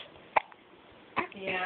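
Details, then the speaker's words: Two sharp, abrupt hiccups about a second apart, each a brief voiced gulp; the person says they have the hiccups. "I think it's being too. I got the hiccups."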